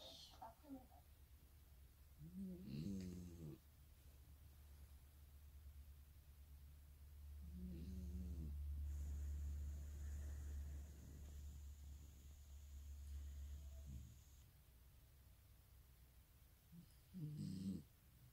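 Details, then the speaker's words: A female dog asleep on the pillow beside her owner snores: low rumbling snores a few breaths several seconds apart, over a steady low room hum. "Et là, j'ai une chienne qui est sur l'oreiller d'à côté et qui ronfle comme un bonhomme."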